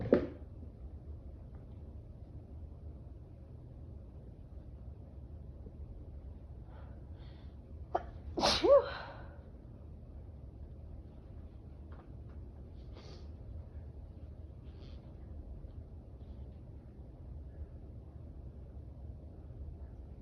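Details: Allergic sneezing fit triggered by a client's pets; allergy not treated with medication: long quiet buildup with a few faint catches and false starts, then one sharp, loud sneeze midway.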